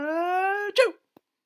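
A long voiced intake ending in a sudden, sharp burst of air, a single "ah-choo" sneeze.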